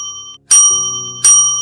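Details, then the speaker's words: Repeated bright electronic chimes of a patient call bell on a hospital ward at night, rung by a patient labelled difficult, asking for his pillow adjusted and complaining his water is too cold. "At 10:00 p.m., the call bell rings. He wants his pillow adjusted. 10:15 p.m., the call bell rings. His water is too cold."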